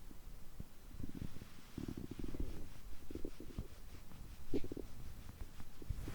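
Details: Stomach growling after overeating: low gurgling, rumbling bowel sounds in bursts during digestion, which continue over 3 hours on such days; recorded for listening with earphones.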